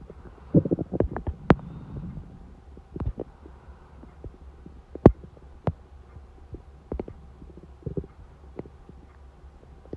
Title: Hungry stomach noises at 4:30 am